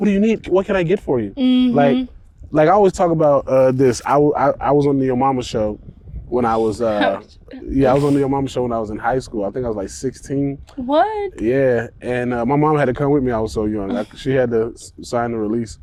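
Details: Adult speaker; normal conversational speech.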